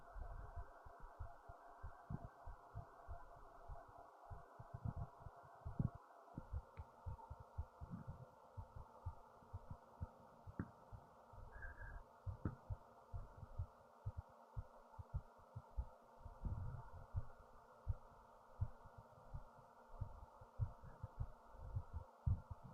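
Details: Racing heartbeat after standing up, with fast heavy breathing and stomach movements: quick, uneven low thumps under a steady hum, recorded with a headphone speaker.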